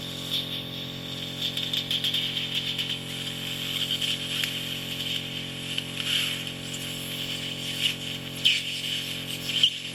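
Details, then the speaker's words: Ear microsuction in a bedbound woman in her 90s with completely blocked ears, oiled and softened by eardrops into gloopy wax with thick white keratin: steady high suction hiss with scratchy crackles as a thin wax layer is drawn up. "The oil has brought that incredibly thin layer right to the surface and allowed it to be suctioned up so easily."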